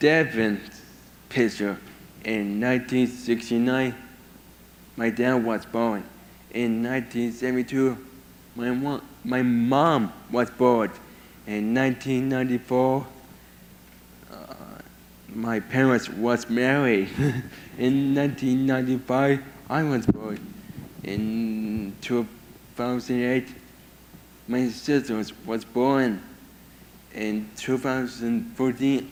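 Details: 22-year-old man with severe autism who lost language at about 15 months and had years of speech therapy; he speaks only a few sentences a day, mostly hard to understand; speech impairment in severe autism.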